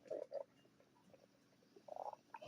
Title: stomach growling 9